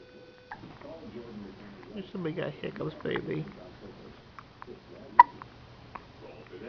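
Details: Soft babbling from a baby girl, then one sharp, abrupt hiccup and a fainter one in a quiet, dimly lit room; baby hiccups.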